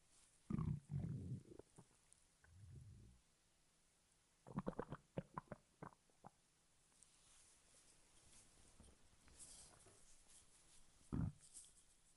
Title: stomach growl in 3 minutes a 5 seconds